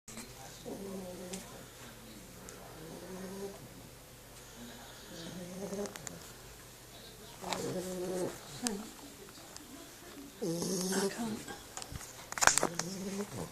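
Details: Sleeping puppy snoring: soft, repeated nasal snorts and whistling breaths with some room noise; ordinary snoring.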